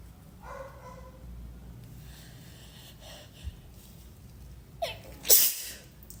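Quiet breathy sounds building up, then one sharp sneeze at the end; a tickled, deliberately brought-on sneeze.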